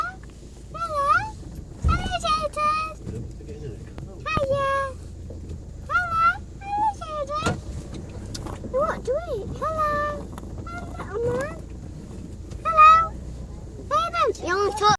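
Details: 6-month-old baby with a tracheostomy making brief high-pitched squeaks and coos in a moving car, with steady car noise in the background; infant vocalizations with tracheostomy.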